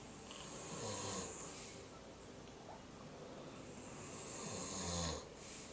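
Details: Doug and Piper napping together: two slow, rough, rattling inhaled snores about four seconds apart with soft breathing between; snoring.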